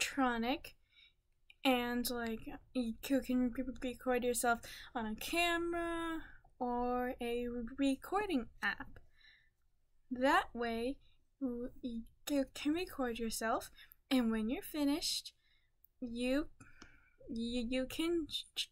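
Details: Female speaker who stutters; stuttering.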